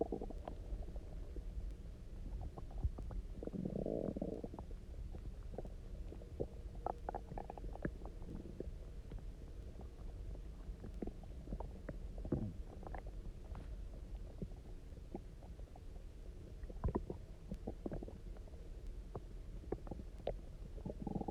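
Continuous loud gurgling and rumbling with bubbly pops; hunger stomach growling, a harmless normal gut sound.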